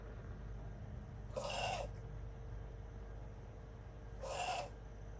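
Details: Wheezing: two noisy, breathy bursts about three seconds apart, each with a faint whistling tone.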